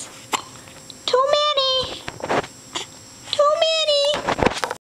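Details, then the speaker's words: Baby girl, wearing a little hat, hiccuping again during burping: short, abrupt hiccup catches, each followed by brief whimpering cries, in a small room. "Hiccup. Hiccup. Oh, honey. You got the hiccups again. How many times a day did you get the hiccups?"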